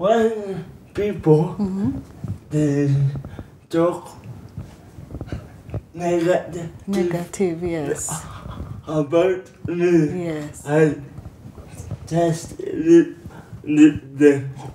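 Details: Young adult man with cerebral palsy, diagnosed as mild, answering interview questions; dysarthria (cerebral palsy).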